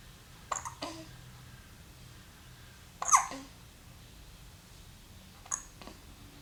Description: lies calmly on his play mat, is overcome by a sneeze, and then resumes gazing around.